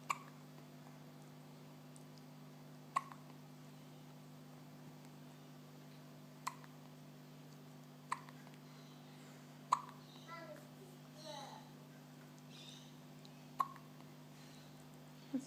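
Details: Newborn baby, 13 days old: seven sharp hiccup clicks in about 15 seconds, roughly 27 a minute, over a steady room hum; newborn hiccups.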